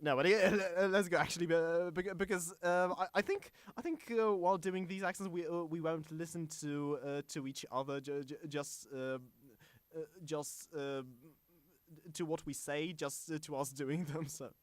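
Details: Self-described stammering male podcast host whose show combines a podcast with speech therapy; stuttering.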